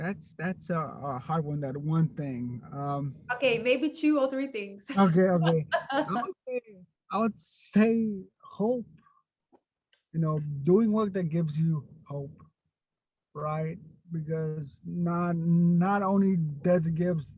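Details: Stuttering in an adult man who grew up with a severe overt stutter, was later helped by a stuttering program, and still gets stuck on a word here and there.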